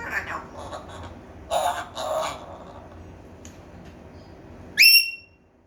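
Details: An African grey parrot gives two short, harsh cough-like bursts, then a sharp whistle: an imitated cough, not illness.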